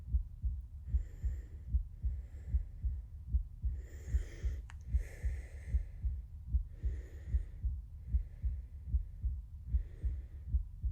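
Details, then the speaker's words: Steady, regular, low heart thumps at about 75 beats a minute through a stethoscope on the chest, with faint breathing in the background, during a role-played ASMR nurse examination; a regular heartbeat. "This may feel a little bit cold on your chest. So, just breathe in and out as I listen to your heartbeat."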